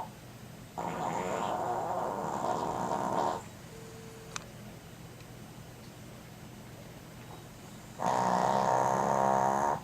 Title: Chica snoring LOUD & Cute